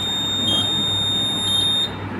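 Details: Pacemaker and cardiac simulator demonstration (simulated, not a patient): a steady high-pitched electronic tone with two brief pulses as a synchronized shock is delivered after charging, then returning to normal rhythm.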